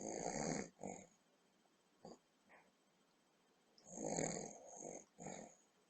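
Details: An elderly woman, a grandmother, snores deeply asleep after a large holiday dinner with boozy trifle, recorded on a computer webcam. Irregular, harsh rasping snorts and snores come in short clusters with quiet gaps.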